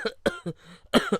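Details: Adult man acting a comedy scene gives a quick run of about five short, voiced, throaty coughs: a plain, acted cough.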